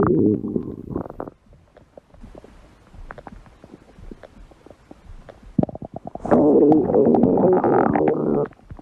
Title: 5 minute of my stomach growling #53